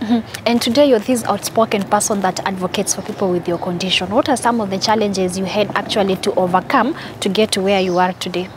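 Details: Adult woman (interviewer); typical speech.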